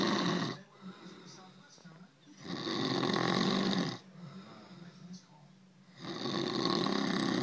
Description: Can't believe he snores like that!